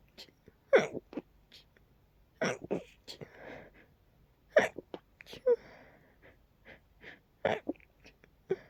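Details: Night-time sneezes from a nose tickle, deliberately pinched to stay quiet: about four stifled sneezes with quiet breaths and sniffs between. Suppressed sneezing.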